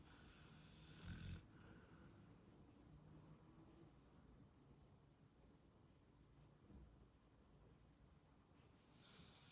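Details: Pitbull dog snoring while sleeping: quiet, low, rough breathing noises, soft snoring under steady room noise.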